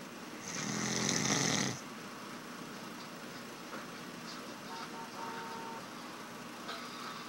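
One loud, rough, rattling snore lasting over a second, then quiet room noise with faint sounds.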